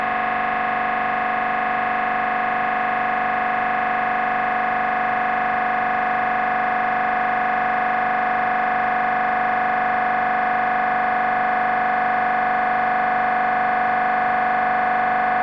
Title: MRI Brain Scan Sounds